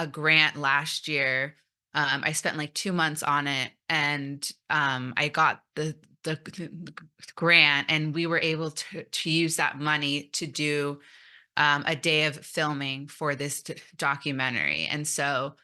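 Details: Stuttering in an adult woman who came out as a person who stutters almost three years ago after 29 years of denial, presenting at a stuttering conference.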